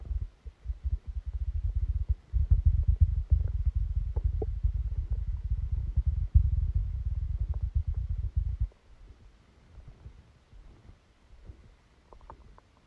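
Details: Stomachache after Christmas dinner, recorded while sleeping: continuous deep, rumbling abdominal gurgling for several seconds, then quieter low sounds; active bowel sounds.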